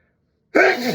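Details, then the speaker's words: Silence, then one abrupt, loud voiced burst of air; a single ordinary sneeze from someone who repeatedly says they have to sneeze. "I gotta sneeze. I got achoo! I have to sneeze. I achoo! I have to sneeze. Achoo! I need to sneeze so bad."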